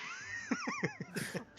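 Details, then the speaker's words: Adult genuinely coughing and saying it hurt: a quick run of about six short, voiced coughs in under a second. "Actually coughing and it hurt. It's actual coughing."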